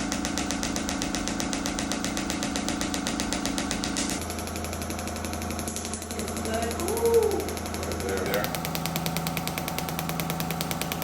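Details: Shockwave therapy to treatment sites for lower back pain and hip mobility: rapid repetitive mechanical tapping with a steady hum from the device running, music in the background.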